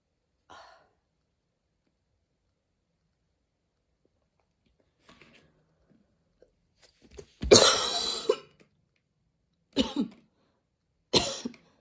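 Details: Long harsh wheezy coughing burst with two shorter coughs after, following a run in warm weather at the start of allergy season, with dizziness and near-fainting afterward.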